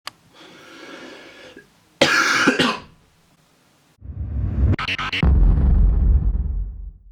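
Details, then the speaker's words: A burst of harsh coughing from an adult who has a cold and a bad throat, with a noisy rumble around it; cough. "So guys, you can probably tell by now I have a bad throat and I'm not very happy. I've got a cold and a bad throat and that got me thinking this week, what is worse?"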